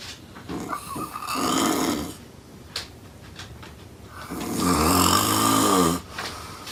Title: Snoring Woman - Loud AF